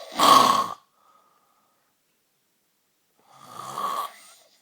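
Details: Adult man (boyfriend) snoring while sleeping; two loud rattling snores separated by a long silent pause. Snoring.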